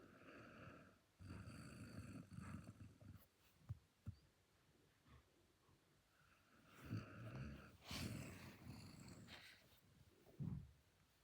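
Soft, rumbling snores from a sleeping dog, with snuffly breaths between them.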